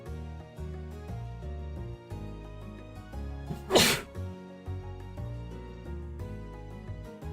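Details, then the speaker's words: A single sharp adult sneeze bursting out over steady background music during a livestream. "Hopefully you guys didn't hear that sneeze. Excuse me. Thank you. You did hear that sneeze."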